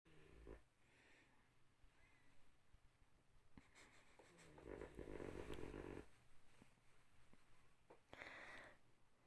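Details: Snoring during a nap.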